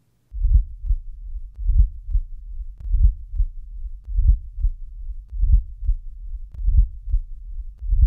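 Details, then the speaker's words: Late diastolic (presystolic) murmur, low-frequency and rumbling, heard with the stethoscope bell lightly held, coinciding with atrial contraction and running into the first sound, slow regular rhythm; typical of mitral or tricuspid stenosis. "this murmur is low in frequency and rumbling in quality it is best heard with the Bell lightly held listen to a late diastolic"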